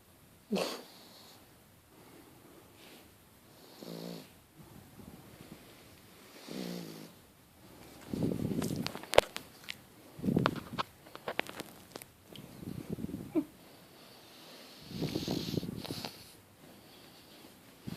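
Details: Pug snoring while asleep: irregular snorting, wheezy snores and snuffles; noisy sleep breathing.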